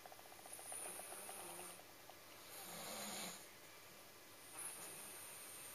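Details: Pet dog snoring while asleep and dreaming: soft, rough, fluttering snore sounds repeating with each breath over a low hiss.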